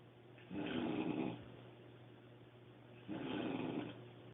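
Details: A woman heavily snoring "like a grizzly bear": two long, loud, rough rattling snores on inhalation, separated by quiet pauses, with a low steady hum in the room.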